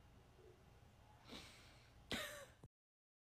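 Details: A soft breath then one abrupt, sharp catch of breath from a female French bulldog with a bad bout of hiccups.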